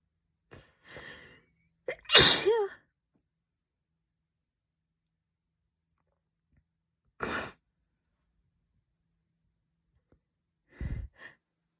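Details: Adult woman sneezing several times, loud explosive bursts separated by long quiet gaps; repeated sneezing.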